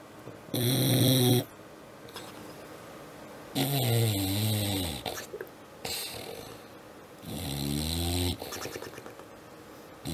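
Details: Loud rattling snores from a sleeping animal, about three in ten seconds with quieter breaths between; ordinary snoring.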